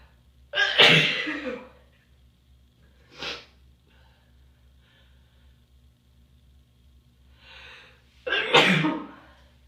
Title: hotel room tease and sneeze!